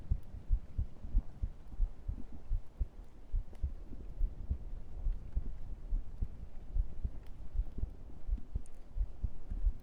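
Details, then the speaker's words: ASMR heartbeat picked up by a microphone held against the chest: muffled low thumps repeating under a steady low rumble, an ordinary normal heartbeat. "Okay, I think it's time for heartbeat. It's quiet."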